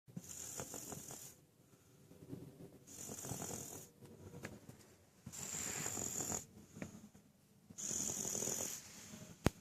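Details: Baby sleeping in a car: regular noisy breaths with a hissing, whistly rasp on each cycle, about one breath every 2.5 seconds, over faint car noise; snoring.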